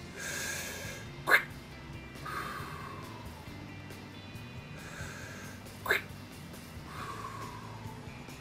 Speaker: atelectatic crackles are fine in inspiratory crackles often in lower lobes the fine crackles are the sound of alveoli popping open at the end of inspiration they usually disappear after a few deep breaths as the affected areas are opened up